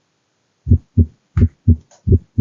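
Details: Regular paired low heart thumps, about 85 beats a minute, with no clear murmur between them; a phonocardiogram played in software built to classify recordings as normal, aortic stenosis or mitral stenosis: heart sounds.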